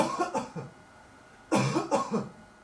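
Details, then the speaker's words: Voluntary cough from a student on a countdown during high-speed laser imaging of cough droplets for a surgical mask experiment: two short bouts of quick voiced bursts. "So we did some measurement at high speed. We can observe the cough in slow motion."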